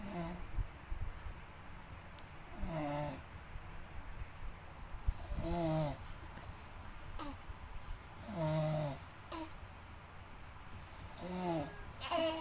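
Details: Snoring at home during sleep: repeated rattling snores, about one every three seconds, against a noisy room background.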